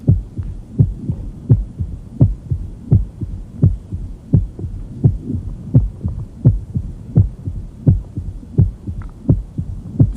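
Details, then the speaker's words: Regular heartbeat near 85 a minute with a loud first sound, presystolic murmur and early diastolic filling sound: tumor plop of a large mobile left atrial myxoma obstructing the mitral orifice, loudest with the bell, near the apical impulse. "myxomas are often attached to the fossa of alice or the interatrial septum and when they become very large they're gelatinous and mobile so that during peak ventricular filling the tumor can essentially lay over the mitral valve orifice stopping ventricular filling when it does so it creates a sound"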